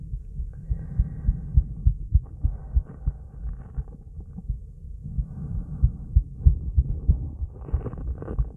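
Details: Female heartbeat recorded after a 30-second plank, during recovery and breath hold: fast, strong, regular low thumps as the heart recovers from exertion.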